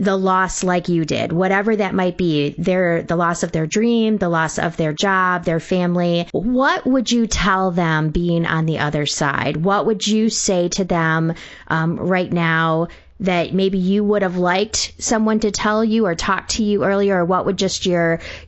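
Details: Adult woman speaking; normal voice.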